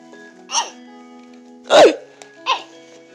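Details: A person with hiccups lasting several minutes gives three short, abrupt hiccups about a second apart, with music in the background. Hiccups.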